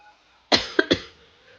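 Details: Two or three short, sharp coughs ending in throat clearing, in a quiet room, from a woman live-stream host who is sick.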